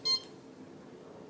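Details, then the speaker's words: CADD Prizm home infusion pump: a single short high electronic confirmation beep in a quiet room after selecting yes to change delivery mode, before the pump reboots into the new mode. "you would select your mode click on enter and it asks you if you want to place it into that mode you click on yes and"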